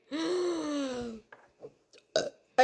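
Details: Single drawn-out, voiced belch of about a second, followed by faint small sounds, after lunch; burping.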